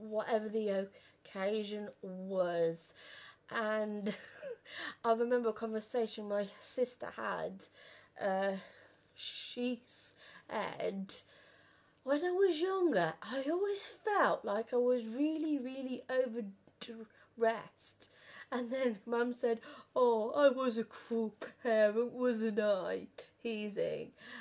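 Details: Stammering in an adult woman who has stammered since about age five or six.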